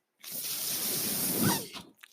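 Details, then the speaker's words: A podcaster's own mechanical ventilator is audible as he speaks: a single soft hissing rush of air lasting about a second and a half, then quiet, as the ventilator delivers a breath. "hello everyone my name is that noise you're hearing my ventilator"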